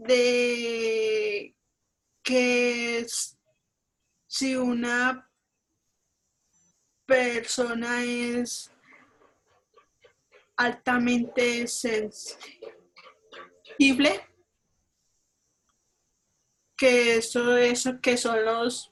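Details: Adult Colombian woman with stuttering (disfluency), a member of a stuttering support group, speaking Spanish.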